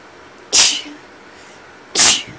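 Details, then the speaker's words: Two sharp, hissing sneezes about a second and a half apart, induced by someone who has been sneezing all day and has a stuffy nose. Each is a sudden explosive burst of air through the nose and mouth. "So I've been sneezing a bunch today and my nose is kind of stuffy, so I thought I would do a couple more sneezes and try to give you guys a really good blow."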